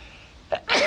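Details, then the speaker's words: A man sneezes during a talk: a quick catch of breath, then a single loud, sharp, hissing sneeze. "I'm about to sneeze actually uh so look at the light excuse me"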